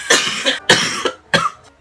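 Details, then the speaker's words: Three harsh cough bursts in quick succession, acted for a comedy skit by a YouTuber who says he is sick with nasty coughs and uncontrollable sneezing; cough. "I've been giving the most nastiest coughs. I've been sneezing uncontrollably."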